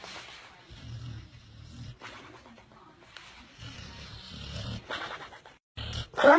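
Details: Dog snoring while asleep, with a cat looking on: low, rough rumbling breaths repeating throughout, some background noise at the end.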